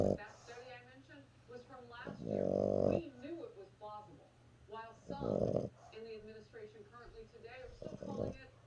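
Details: Sleeping dog named Stella snoring in loud, rough bursts about every three seconds beneath television talk.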